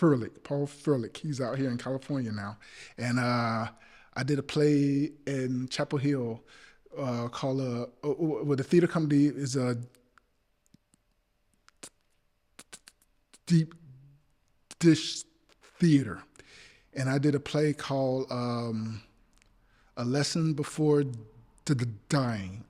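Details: Adult male actor with a speech impediment, stuttering in conversation while trying to remember something from long ago: stuttering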